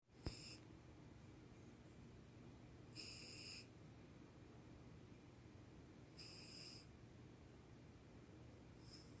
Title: Cat Snoring